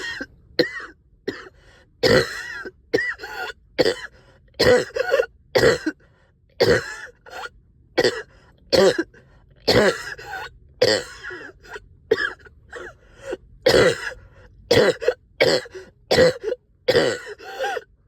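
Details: Persistent productive cough, about twenty harsh wet phlegmy coughs in eighteen seconds, in someone up all night coughing stubborn sticky phlegm, with a heavy chest and headache.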